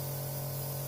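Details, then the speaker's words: Steady low motor hum with a soft hiss of spraying mist: a compressor nebulizer running while a baby is nebulized. "अगर बच्चे को nebulise कराना है तो बच्चे का जो मास्क है नेबुलाइजर मास्क है उसको बच्चे के फेस से थोड़ा सा दूर रखिए"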